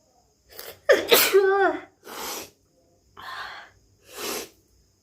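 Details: A deliberate sneeze in a sneezing challenge, where the person tries to provoke sneezes: one loud sneeze after an inward gasp, followed by a few soft breaths.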